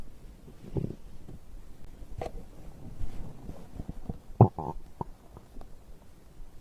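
Low gurgling and bubbling rumbles with a few sharper pops, typical stomach growling as digestion moves fluid and gas after a drink.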